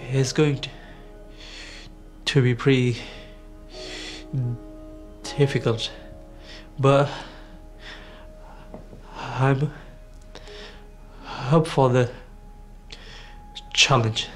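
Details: Severe overt stammer (stuttering) in a 17-year-old male, present since an asthma attack at age four; described by his coach as one of the most severe overt stammers encountered; attending an intensive four-day course.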